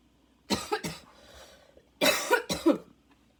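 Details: Another barking coughing fit a few minutes after an earlier one, with wheezing and lungs struggling, inhaler badly needed. Harsh, hoarse barking coughs in two bursts with a noisy, strained breath between.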